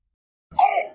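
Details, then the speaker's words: Croup (laryngotracheobronchitis), typically ages 6 months to 3 years: a single harsh, honking seal-like barking cough after brief silence, following a 12–72 hour coryzal prodrome; often worse at night with hoarse voice. "roughly 12 to 72 hours before the development of a cough as we said classically described as a seal-like backing cough"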